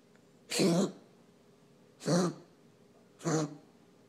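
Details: Pet's coughing spell recorded for veterinarian review: three short, harsh coughing bursts a few seconds apart.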